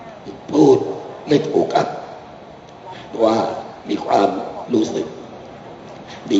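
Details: Adult man whose larynx was removed because of cancer, living 30 years with cancer, speaking without a larynx at an event; finding: alaryngeal (esophageal) speech.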